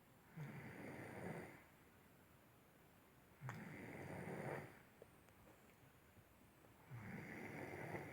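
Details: Person snoring during sleep: soft, rough, fluttering snores on each breath, roughly every three seconds, with quiet pauses between.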